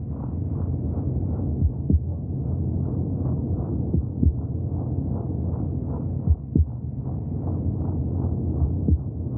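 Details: Fetal heartbeat heard from inside the womb: muffled, whooshing rhythmic pulses beneath a steady low rumble.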